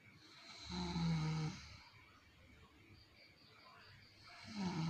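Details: Mother snoring in sleep: two loud, rattling, low-pitched snores on breathing in, with quieter breathing between.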